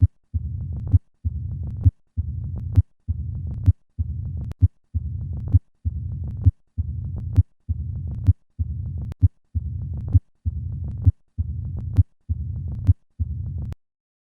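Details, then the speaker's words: Bell of stethoscope pressed lightly at the cardiac apex, patient in left lateral position: regular heartbeat near 66 a minute with a low-pitched rumbling diastolic murmur filling the pause, mitral stenosis. "murmur is heard at the cardiac apex with the patient in the left lateral position using the bell of the stethoscope pressed lightly to the chest wall"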